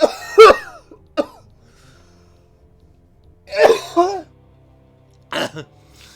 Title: Cough Attack